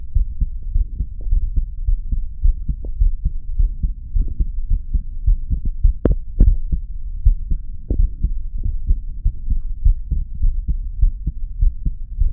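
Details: Normal heartbeat from listening to one's own heart: steady low thumping at roughly 105 counts a minute, muffled under a low hum.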